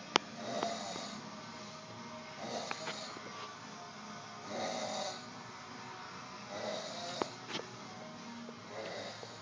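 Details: Man passed out asleep after heavy drinking, during a party: loud, regular rumbling snores, about five breaths a minute, over faint music and room noise; ordinary heavy snoring.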